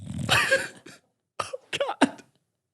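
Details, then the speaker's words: Snoring from a dog, audible in the background of a podcast recording. "buckley is snoring i was hoping you couldn't hear it everyone can hear it yeah get the mic up on buckles"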